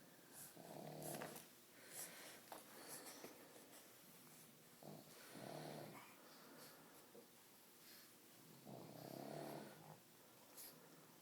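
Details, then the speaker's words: Sleeping pug snoring beside a boy: soft, rough, repeated snoring breaths with a faint whistling edge, about four in eleven seconds, in a quiet room, with an adult asking if you hear the dogs snoring. "You hear them dogs snoring? Huh? Do you hear those dogs snoring?"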